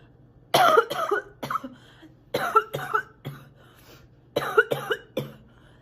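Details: Sick girl coughing a lot and spitting: three bouts of harsh, rough coughs, two or three coughs each, with throaty clearing.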